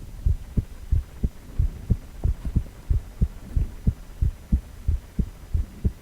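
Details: Male heart on ultrasound, 4-chamber view: steady paired low thumps of a heartbeat, about 90 beats a minute, with a faint background hum.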